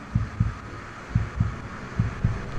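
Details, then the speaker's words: Simulated heartbeat from a Mercedes Vision AVTR concept car that scans the driver's heartbeat: steady paired lub-dub thumps, about 70 a minute, over a faint hum. "So what this is doing is this is actually scanning my heartbeat, and it can actually tell through this scanner and this projector who's driving the car."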